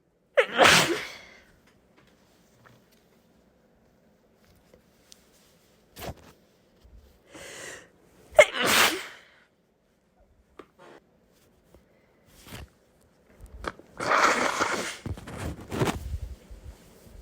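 Three explosive sneezes with quiet gaps and a few soft breaths between them, the last one longer and drawn out.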